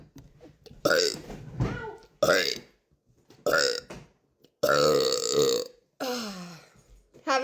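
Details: Person burping after lunch: five loud, drawn-out voiced belches in a row separated by short pauses; repeated burping, belching.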